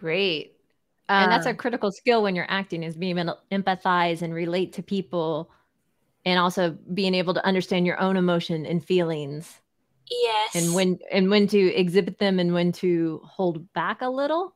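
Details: Adult female; Ordinary speech.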